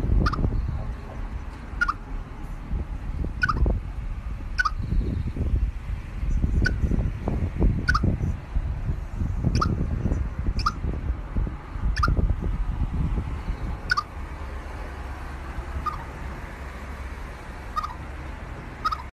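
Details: Squirrel: a rapid series of tiny high clicks, about three a second, over rustling background; hiccups.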